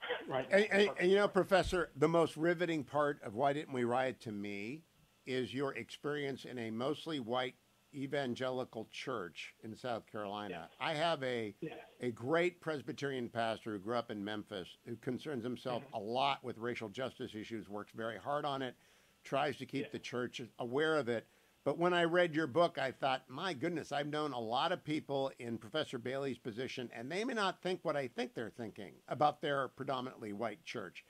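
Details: Adult male speaker; normal speech.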